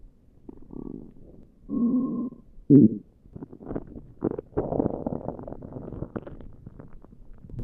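Quiet gurgles and a few short low groans and squeaks from the belly; ordinary stomach growling.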